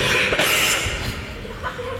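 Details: An adult's harsh, noisy burst of acted coughing, performed for comic effect in a comedy sketch: cough.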